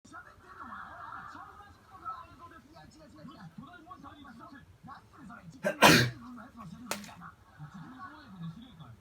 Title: くしゃみにびっくりする猫ちゃん